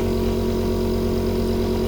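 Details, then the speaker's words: Portable medical suction pump (Onemed 7E series) switched on and tested against the hand, with the filter tube and connector tube attached: a steady, loud motor hum and drone. "Nah kalau sudah kita coba dulu nih kita nyalain alatnya Seperti ini dan kita Cobain ke tangan"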